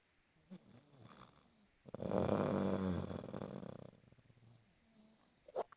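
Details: Sleeping person snoring: one long, loud, rattling snore on the in-breath lasting about two seconds, with quieter breaths around it; snoring.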